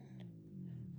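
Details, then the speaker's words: Adult woman's stomach growling while quilting: a low, drawn-out rumbling drone from the belly, ordinary borborygmi. "Oh, that's my stomach grumbling. Can you hear that? I do apologize."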